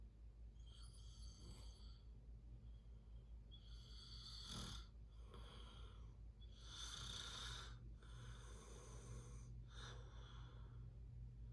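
Repeated rough, raspy snores with each breath, over a low steady background hum.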